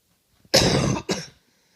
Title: Coughing